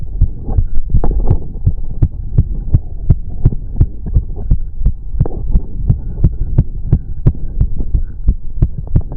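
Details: Male's fast, strong heartbeat around 170 beats a minute during a 30-minute cardio workout, with heavy breathing and a low background hum: exercise-induced tachycardia.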